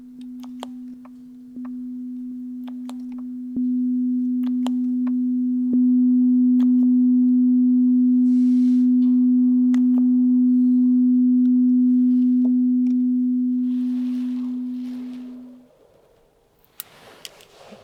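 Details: Audiometry test tone with masking, in a binaural recording simulating a hearing and speech test by a Thai audiologist.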